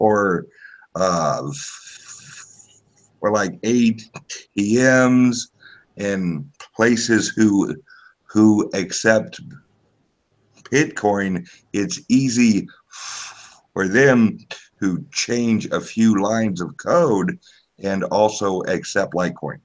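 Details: Male podcast guest's self-reported speech impediment, type not named; disfluent speech heard. Finding: speech impediment.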